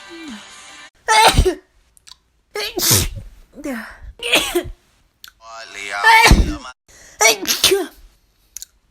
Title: Notable Sneezes of 2018-19